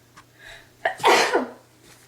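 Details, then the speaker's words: A quick inward breath, then one loud voiced sneeze burst fading off; a single ordinary sneeze. "Come I have to sneeze. Uh trying to get it out."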